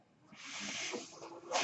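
A steady airy hiss of air flow rising and fading, the delivered breath of a mechanical ventilator.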